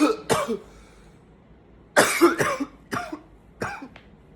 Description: in this video, i groan a little bit in between coughing fits to show how much the coughing is tiring me.